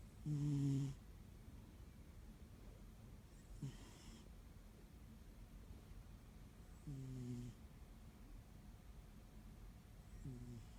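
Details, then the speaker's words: Soft, low, buzzing snores from a sleeping male cat, about four in eleven seconds, over faint room hiss; he snores every time he falls asleep. "Does anyone else's cat snore like this? Just snoring away. He's like a little baby. Snore"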